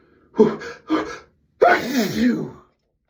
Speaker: I have to sneeze. Achoo! I need to sneeze so bad.